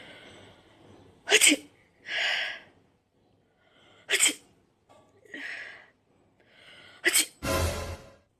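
Three sneezes, each a sharp burst followed by a drawn-out voiced or hissing sound, performed for comedy.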